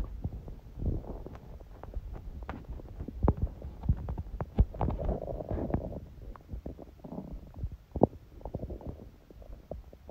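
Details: Hunger stomach sounds, with sneezing: continuous low gurgling and rumbling with bubbly pops; normal hunger borborygmi.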